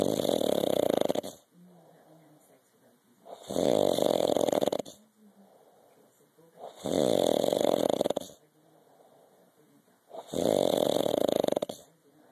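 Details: Loud, rough rattling snores on each inspiration, about 17 per minute, with quiet expiration between, from the uploader's father asleep; snoring.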